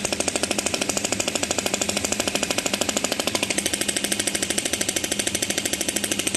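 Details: Rapid, very regular sharp clicking pulses, about two a second, from the handpiece of an SW500B ESWT shockwave therapy machine firing.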